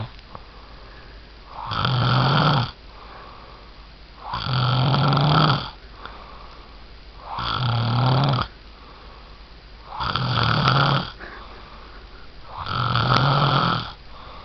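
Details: Adult fiancé snoring: loud, regular, rattling snores on each breath, about 22 a minute, with quiet breathing between; typical adult snoring.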